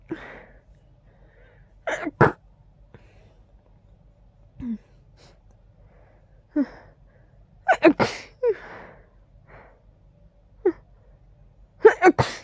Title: Quiet congested stifled sneezes